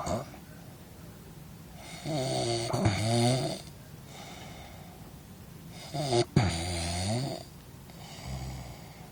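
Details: Person snoring: loud, rough rattling inspiratory snores, two long snores about four seconds apart, quieter breathing between.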